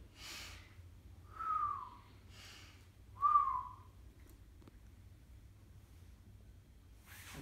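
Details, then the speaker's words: Imitated expiratory wheeze demonstrating obstructive bronchitis: audible deep breaths, each exhalation carrying a whistling tone, as heard on auscultation. "obstructive bronchitis will give us whistling sound whistling Rell's during exploration during exhalation"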